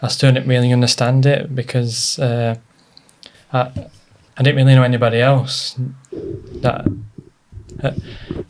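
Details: Adult man with a stammer since childhood, treated with speech therapy, worsened by stress and nerves; stuttering (stammer).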